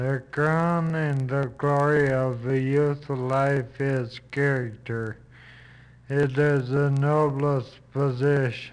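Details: Reading a passage aloud with flaccid dysarthria; speech slow and hard to understand, with garbled words.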